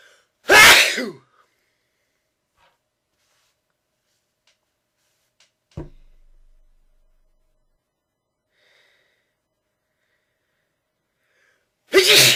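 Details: Repeated loud, explosive sneezing: about two sneezes roughly eleven seconds apart with near silence between, part of a sneezing attack.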